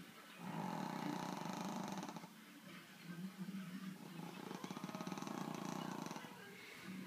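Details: Female Brussels Griffon × Pug dog with a flat face, snoring loudly enough to drown out a loud TV: loud, harsh, fluttering snores with rough growl-like breaths.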